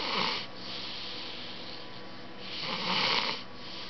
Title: Snoring